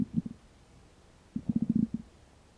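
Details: After about 12 hours without eating, two short bursts of low, pulsing gurgles from an empty stomach; hunger growling (borborygmi), a normal finding.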